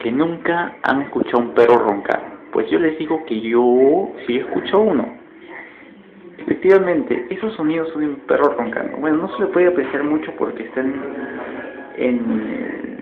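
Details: Speaker who reports being unable to pronounce the letter 'r' properly, talking while presenting a snoring dog; rhotacism (difficulty pronouncing R).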